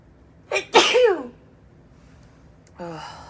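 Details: An adult woman's deliberately high-pitched sneeze during repeated sneeze fits, which she suspects come from air-conditioning filter dust: a quick inward gasp, then one forceful voiced sneeze with a falling cry and a soft vocal sound.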